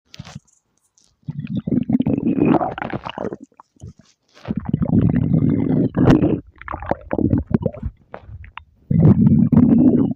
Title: shenhe and Yelan’s stomach growl